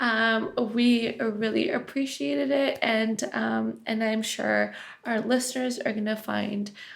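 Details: Adult woman speaking; Typical voice.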